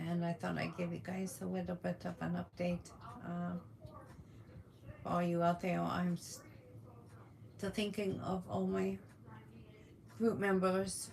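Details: Adult woman with functional neurological disorder on a day of worsening symptoms, reporting tremors, uncontrollable movement and paralysis, symptoms starting after eating; speech halting with pauses; functional speech disturbance.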